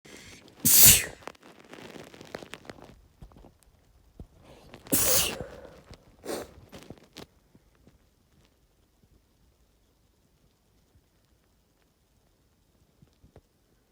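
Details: Two loud, explosive sneezes a few seconds apart, followed by a brief nose-blowing burst and then quiet.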